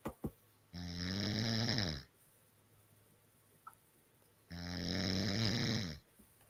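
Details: Woman snoring heavily: two long, loud, rattling snores on the in-breath, about four seconds apart, with quiet between.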